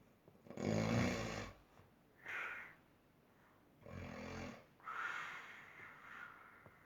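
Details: Loud, rough snores on the in-breaths alternating with hissing out-breaths in a regular sleep-breathing rhythm; snoring at its height.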